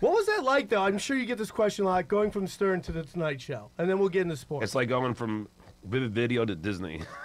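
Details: Adult man speaking in conversation; Normal fluent speech.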